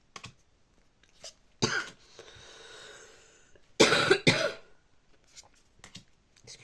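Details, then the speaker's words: Adult woman who says she is coming down with an illness gives about three abrupt, harsh coughs in a quiet room while talking; cough. "Peut-être que j'arrêterai de tousser comme ça."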